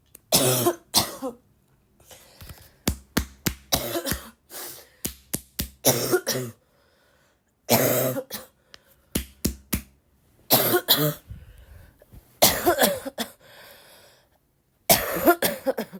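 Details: Girl still sick and coughing a lot, tagged as a barking cough: repeated bouts of harsh coughing with short pauses, some with throat clearing, during an ongoing illness.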